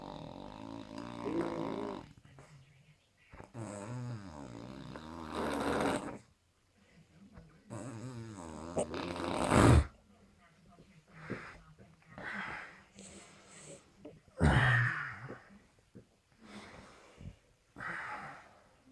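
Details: Loud, irregular snoring after drinking too many beers until passed out: long rumbling, oddly tonal, groaning, animal-like breaths about 12 a minute with quiet pauses between them.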